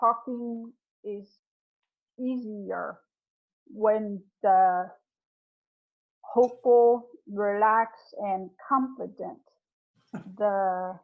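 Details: Real adult member of an aphasia support group, speaking in an online group session; aphasia.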